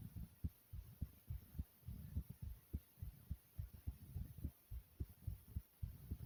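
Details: Fast, pounding heartbeat: deep thumps coming quickly at about 105 beats a minute over a faint steady hum, consistent with tachycardia.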